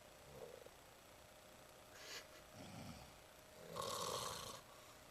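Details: Sleeping sibling cats snoring: a soft airy breath, a low rumbling one, then a louder buzzing snore over a faint steady hum.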